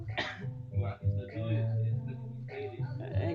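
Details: Young man with self-described baby lungs coughing after a hard hit while smoking with friends: rough, throaty coughs and throat clearing running into a short bout, with background music; cough.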